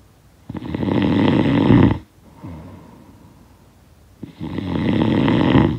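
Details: Snoring sound effect of a sleeper: long, loud, rough snores on breathing in, separated by quieter breaths out; snoring.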